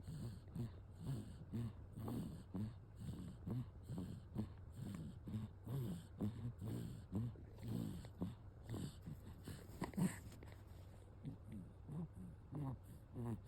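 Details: Light rapid rhythmic snorting snores, about 60 breaths a minute, from a sleeping baby boy over steady background noise; infant snoring during sleep.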